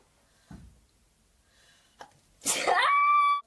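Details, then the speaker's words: Woman sneezing during a lipstick review: faint intake of breath, then a sharp, explosive sneeze trailing into a high vocal squeal. "I can't believe I just sneezed on the gray."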